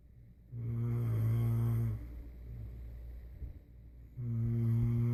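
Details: Two loud, low, rumbling tonal snores on the in-breath with a quieter pause between them; typical snoring in a sleeping adult.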